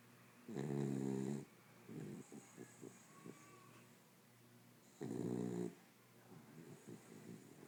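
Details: Sleeping Corgi: two loud rattling snores about four seconds apart, with soft snuffling breaths between them: snoring.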